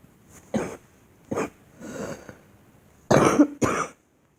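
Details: Girl performing a deliberate, acted cough: about five short, dry coughs in separate bursts, the last two louder and closer together.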